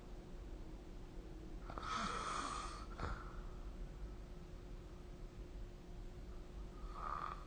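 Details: Sleep snoring recorded with the SnoreLab app: a harsh, fluttering snore with a snort, then a second snore starting, over steady room hum.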